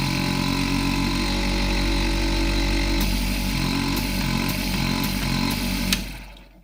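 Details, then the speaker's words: Medika medical vacuum suction unit (small low-power vacuum pump with manometer and suction regulator) tested after a simple repair: steady loud low motor drone with rapid pulsing and a few clicks, then winding down as it switches off; suction unit running. "Залишилось зрозуміти, чи воно працює. О. валить на цілого. Тягне, тягне."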